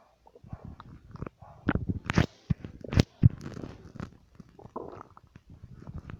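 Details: Irregular low gurgles, pops and rumbling bursts from an adult's stomach, typical of active bowel sounds.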